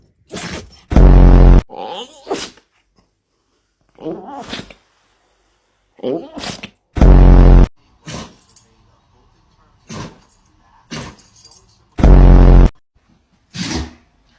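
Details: Dogs sneezing: repeated short, sharp snorting sneezes with several loud thumps in between; ordinary dog sneezes.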